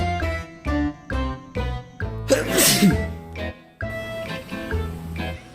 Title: The cat’s reaction when l sneeze #funnyvideo #funnycat #petcat #cat #pet #funny #pets #cats